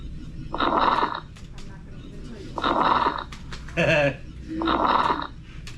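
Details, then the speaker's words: Coarse crackles played during a nursing class review, compared to suction; repeated rattly, bubbling noise with each breath, crackles usually indicating fluid in the lungs. "all right now coarse crackles huh hopefully with shoes on okay go to fine again for me yeah it kind of sounds like suction too okay and then course again"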